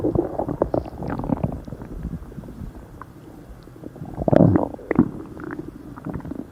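Loud, irregular gurgling and rumbling with a louder surge midway; ordinary stomach growling from gas and fluid moving through the gut.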